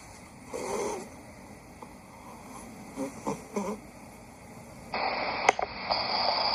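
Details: Sleeping cats: soft, snuffly nasal breaths and short snorting snore bursts over steady hiss, switching to another recording near the end: snoring.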